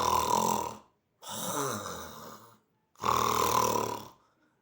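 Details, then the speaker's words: Simulated snoring: a person imitates three loud, rough, rattling breaths to demonstrate snoring from upper airway narrowing in the nasopharynx, oropharynx and larynx during sleep, as in obstructive sleep apnea. "বুঝছেন স্যাম্পলটা, বুঝছেন যে এই রকমের স্যাম্পলে কিন্তু নাক ডাকে।"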